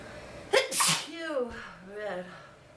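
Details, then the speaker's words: Person with a bad head cold and a stuffy nose, trying to make themselves sneeze: one forceful sneeze with a voiced lead-in, then a groaning exhale; sneezing with a cold. "Oh, I'm sick of this cold. Chew. Chew. Man. Chew. Ugh. Feels good to sneeze though."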